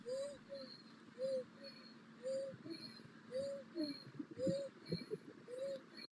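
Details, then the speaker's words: A female runner, standing still, breathes rapidly at about one breath a second with a short musical wheeze on each breath in. Chest and stomach move together, her neck juts forward, and she finds breathing in hard: inspiratory wheeze from dysfunctional breathing. "so you can hear that she's got a wheeze when she breathes in you can if you watch her breathing pattern you'll see a stomach and a chest that moves at the same time"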